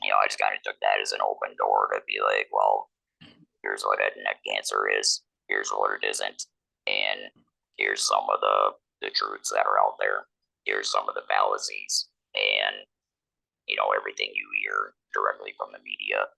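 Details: 47-year-old man, laryngectomee since laryngectomy in 2019, speaking with an electrolarynx that took about a year to get familiar with; electrolarynx speech.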